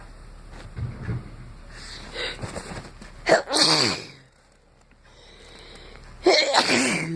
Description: Was congested so I figured a little inducing should clear it.